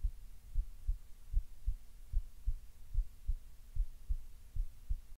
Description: Relaxed but still a little fast